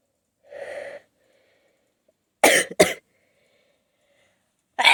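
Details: Stifled, stuck sneezes from a nose tickle that were held back too well: one muffled held-back burst, then two quick, sharp, expulsive sneezes and the start of another, in a quiet room.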